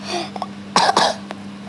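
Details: A child gives two quick, harsh cough bursts in close succession over a steady background hum: a brief cough.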